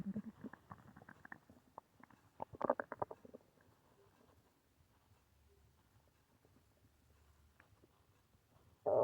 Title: Uhh... stomach growling.